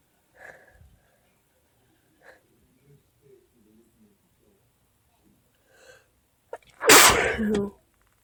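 Quiet breathy sounds, then a quick inward catch and one loud explosive sneeze.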